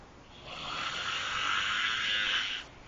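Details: Person snoring in a car's back seat: one long, rasping breath noise lasting about two seconds; a single snore.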